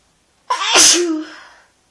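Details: Person with a cold, feeling sneezy with a sore throat, deliberately inducing sneezes: a single loud sneeze, a sharp voiced burst trailing off into a fading exhale.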